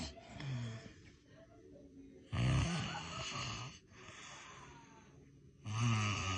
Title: Big Nose Man Snoring